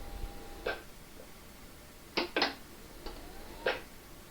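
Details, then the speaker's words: Elisa ICU ventilator 55-second system test with the Y connector blocked: five sharp mechanical clanks as the machine checks the inspiratory valve, expiratory valve and flow sensor. "System test duration is 55 seconds you will hear some clanging noises that is the machine checking the inspiratory valve the exper valve and the flow"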